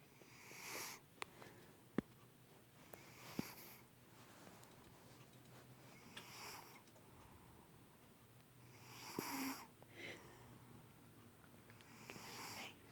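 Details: Male pet cat snoring, as he does every time he falls asleep: soft, hissy snores roughly every three seconds, a harmless sleep sound.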